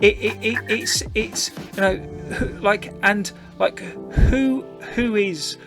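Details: Podcast host who says he stammers himself; stuttering.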